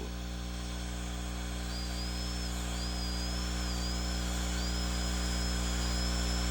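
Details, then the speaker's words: High-pitched whine of a dental drill over steady room hum as the bur bevels the occlusolingual line angle during stainless steel crown preparation of a child's mandibular left second primary molar with gross caries, rubber dam and wedges in place. "Reposition the burr to bevel the remaining portions of the occlusolingual line angle."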